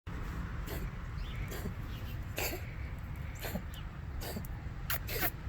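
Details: A cat, Oreo, gives a run of short, dry hacking coughs, most likely from a hairball; no further coughing afterward.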